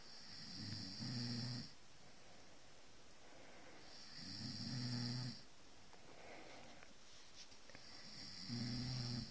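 Regular low, rumbling snores on each breath in, about 16 a minute, with quiet breathing between them; snoring.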